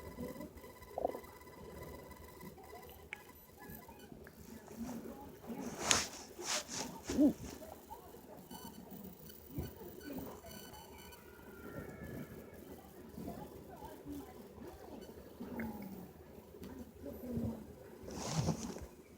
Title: Stomach growling after drinking Fanta